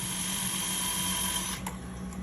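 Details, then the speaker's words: Steady high-pitched motor whine with low buzzing hum that stops abruptly, a cannulated surgical power drill passing over a pin at the radial tuberosity with irrigation, drilling a blind socket in single-incision distal biceps tendon repair. "So, now we're going to drill a blind socket to stuff this tendon in. All right, let's do a little irrigation to cool down our drill. And this drill is canulated so it can go over this pin."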